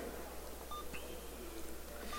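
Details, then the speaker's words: Alaris infusion pump being programmed with rate and volume to be infused during a security demonstration: a few short electronic keypad beeps over room hum. "So if you remember the Infusion Pump, right, when it is the setup, when you put the rate and you put the volume to be infused. So let's do it again."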